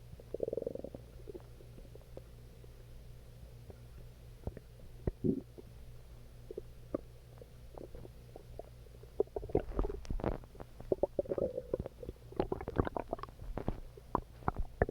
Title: Calming Stomach Growling